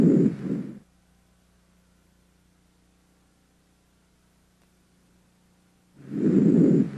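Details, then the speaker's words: Teaching examination, stethoscope diaphragm on the anterior chest of a patient breathing deeply through the mouth: soft, low breathing noise with a long quiet pause between breaths; normal breath sounds. "decide what type of breath sounds you are hearing and note any added sounds if you hear heart sounds near the heart try to ignore them while you concentrate on the breath sounds"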